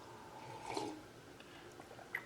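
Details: Stomach growling (borborygmi).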